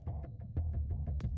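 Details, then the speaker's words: Third heart sound (S3) on auscultation: low-pitched, dull heart sounds with a soft extra thud early in diastole, during the rapid ventricular filling phase after the atrioventricular valves open. "как только давление в желудочках становится ниже чем в предсердиях открывается от remind регулярные клапаны и наступает фаза быстрого наполнения во время которой в желудочке выбрасывается большая часть крови накопившиеся ранее в предсердие в этот момент при определенных условиях можно услышать 3 тонн"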